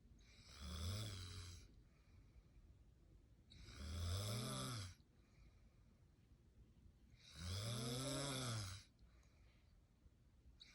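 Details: A mother snoring in the morning, recorded by the father, with a newborn baby nearby: three loud, rattling snores on the in-breath, about one every three and a half seconds, with quiet pauses between them.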